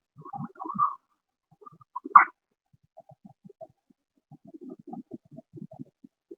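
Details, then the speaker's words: Agonal breathing in an unconscious patient: irregular gasping breaths with wet, gurgling, tracheal rattle-like sounds from secretions pooled in the central airway, audible at a distance without a stethoscope; a teaching recording of an emergency sign. "o como tal les voy a poner otra vez la respiración agónica de edad fin porque es muy similar se da normalmente en pacientes inconscientes por acumulación de secreciones empresas en vía aérea central este es audible a distancia"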